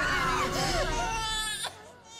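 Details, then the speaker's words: A short, high-pitched cry of a small newborn boy just delivered vaginally after an unknown pregnancy, rising and wavering over background music in a reenacted delivery scene. "When I heard a baby crying, that's"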